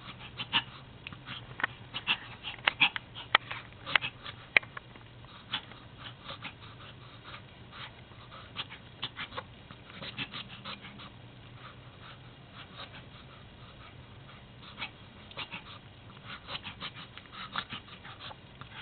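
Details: Pomapoo dog with recurring attacks of wheezing, odd breathing that come and go, not resolved by medication: bursts of quick, snorting, sniff-like breaths, reverse sneezing.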